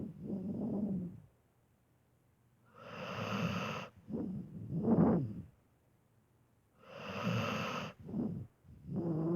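Rhythmic snoring from a sleeping dog, about 14 breaths a minute, with rough fluttering sounds on the breaths and quiet pauses between them.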